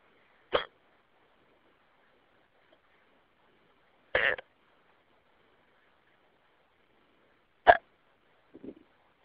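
Three short, sharp hiccups about three to four seconds apart in a quiet room.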